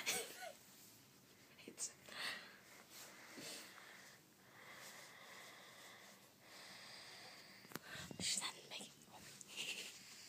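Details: Pet mouse snoring: faint, high-pitched wheezy breath noises against a quiet hiss.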